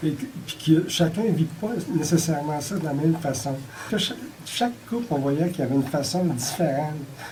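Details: Adult speaker; normal speech.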